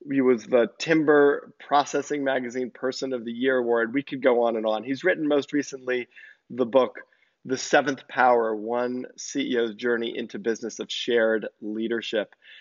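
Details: Adult male speaker; Normal speech.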